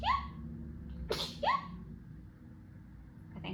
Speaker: Yes, I do really sneeze like that. I am so sorry I sound like a squeaky toy and probably alerted your dogs or neighbor dogs.